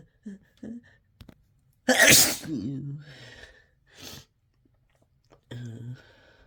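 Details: Harsh, desperate sneezing triggered by chhinkni snuff: one forceful, loud sneeze burst with a voiced tail, among sniffs, snorts and breaths.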